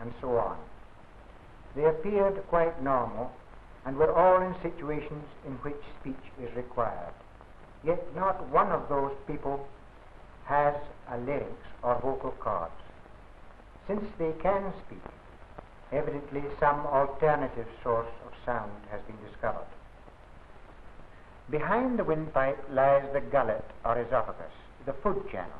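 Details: Adult male narrator; normal speech.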